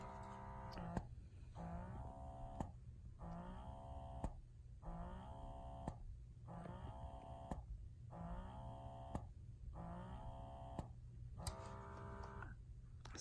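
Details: Quiet rhythmic motor whir with a click, cycling about 37 times a minute over a steady hum; an electric breast pump running without tubing attached, one of five compared (Freemie Liberty, Spectra S1, Motif Duo, Baby Buddha, Medela).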